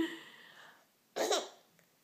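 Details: Young boy with hiccups, which he finds funny: a faint voiced sound, then one abrupt gulping burst as a parent asks if he has the hiccups; a single hiccup.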